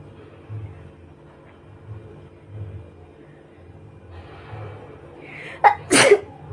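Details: Sneezing challenge by a person who had a slight cold earlier: quiet room, then a sharp intake and two explosive sneezes close together.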